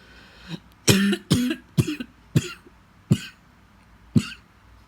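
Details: Adult coughing persistently for the fifth day: a rapid series of about six to seven harsh cough bursts.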